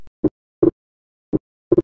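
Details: Slow heart sounds with a split second sound: paradoxical splitting of S2 in left bundle branch block, with the split widening on expiration rather than inspiration.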